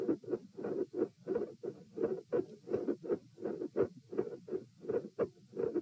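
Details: Heart auscultation stress test at position P while lying, sitting, standing, then lying again (72 bpm supine, 84 sitting, 108 standing, 72 supine): mid-systolic clicks with a split S2.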